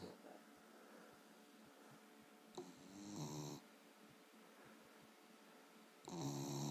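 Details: Dog snoring after a long hike, very tired; soft, slow rhythmic snores with a couple of louder snorting breaths.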